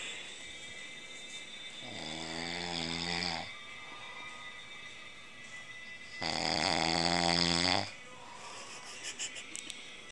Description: My dad is always trying to tell us that he doesn't snore, but I finally caught him in the act! His snoring was so loud that you could hear him across the house!